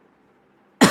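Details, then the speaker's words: A single abrupt, harsh adult cough after near silence, cut off at the end, from a commentator who laughs and says his throat hurts. "చెప్పుకోవాలంటే [నవ్వు] నా గొంతున [దగ్గు] గొంతు నొప్పవస్తుంది మామా"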